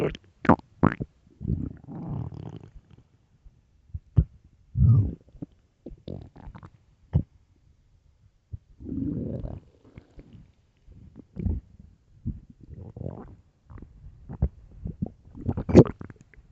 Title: extreamy hungry empty stomach growling loudly part 2